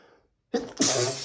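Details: During an intense allergic sneezing fit (60+ sneezes) on a rough allergy day after weeks of itchy, tickling nose: a quick intake of breath, then a loud explosive sneeze.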